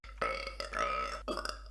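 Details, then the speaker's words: A drawn-out voiced belch of about a second, followed by a shorter second belch, in a quiet room; burping. "oh my god I apologize can I not go a video without burping"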